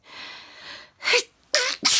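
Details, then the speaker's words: Adult sneezing fit starting at bedtime just before turning off the lights: a quick series of three sharp, explosive sneezes after a short inhaled buildup. "as i thought just before bed i would start sneezing again uh i'd nearly nearly finished putting everything away i was just about to turn the lights off to go to bed started sneezing"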